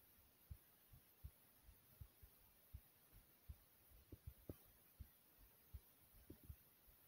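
Soft, steady low thumps in lub-dub pairs at about 80 beats a minute over a faint hiss; an ordinary normal heartbeat.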